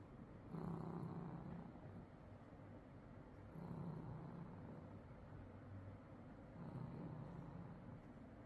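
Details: Sleeping male "papa" cat snoring: three low, rumbling snores in eight seconds, one with each breath, about 20 breaths a minute.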